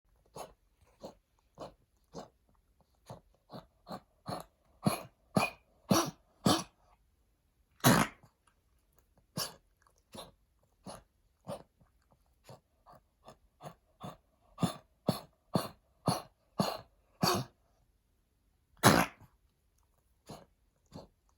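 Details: Blind senior Pekingese, heartworm-positive stray, during heartworm treatment: rapid runs of short, harsh coughs, about 35 over twenty seconds; chronic cough from heartworm-related lung damage.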